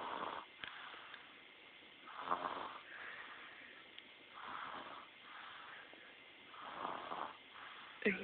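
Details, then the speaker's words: Baby napping in a jumparoo, snoring really loud after being tuckered out; soft, rhythmic snoring, about four breaths in eight seconds, with a noisy rasp on each breath. "And he says, jumping, look at him. All tuckered out, snoring. Wish I could sleep like that."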